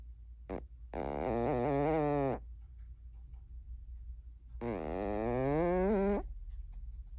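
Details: Cornish Rex cat snoring: two long, voiced, buzzy snoring sounds with quiet gaps between, over steady low room hum.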